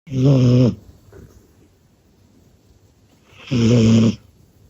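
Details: Sleeping cat: two loud, buzzing, tonal snores with a quiet pause between them; ordinary snoring.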